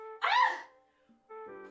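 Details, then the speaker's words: Sneeze right after a set of about ten push-ups during a morning stream: a single sharp voiced sneeze over continuous background music, followed by "excuse me"; sneezing. "oh guys I'm about to sneeze [Music] excuse me"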